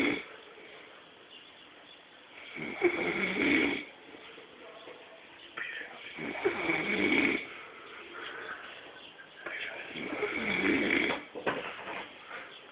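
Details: Snoring: three rough, rattling snores on the in-breath with quieter breathing between, about 17 breaths a minute.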